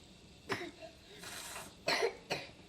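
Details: A child eating mango gives a few short, sharp coughs with a breathy hiss between them; plain coughing.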